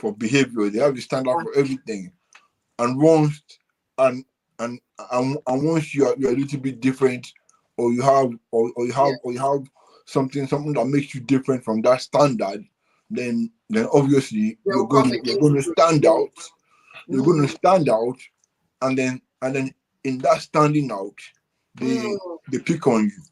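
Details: Dysarthria in a UK-based adult man born with cerebral palsy affecting movement and speech, attributed to a high bilirubin level at birth.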